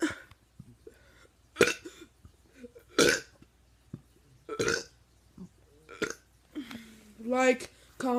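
A run of short, forced belches every second or so, ending in a long drawn-out burp.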